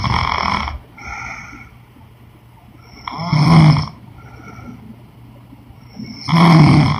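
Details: Woman snoring during sleep: deep, rumbling snores about every three seconds with softer breathy sounds between them.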